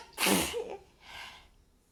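One loud, explosive sneeze, followed by a softer breathy blow through the nose.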